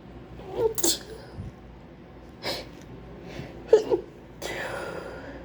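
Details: A few sharp sneezes with inward gasps between them, an acted sneezing fit by someone describing a terrible flu with wet sneezes that come despite trying to hold them in.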